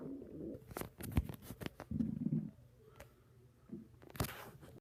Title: My stomach growling